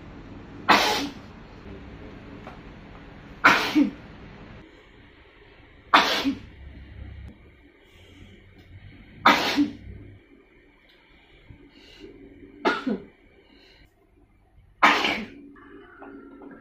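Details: Six forceful, sharp explosive sneezes spaced a few seconds apart over low room hum; sneezing.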